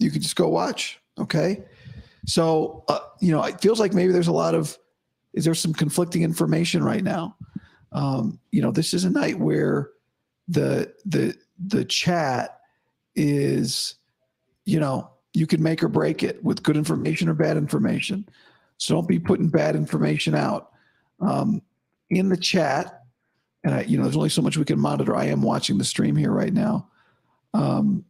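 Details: Adult man about five to five and a half weeks after vocal cord surgery, improving daily but unchanged today after heavy voice use and no sleep: dysphonia after vocal cord surgery.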